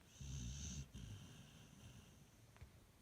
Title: Cute pit bull snoring while smiling